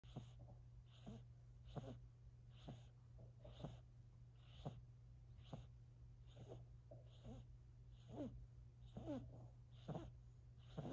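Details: Four-month-old silver Siberian kitten snoring quietly: soft, regular snuffling breaths, about 68 a minute, over a steady low hum.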